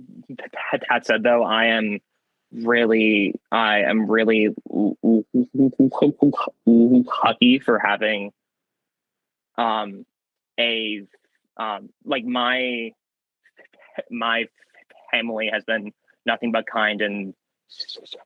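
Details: Young man who has stuttered since childhood, with a variable stutter, sometimes swapping words mid-sentence to avoid getting stuck; stuttering.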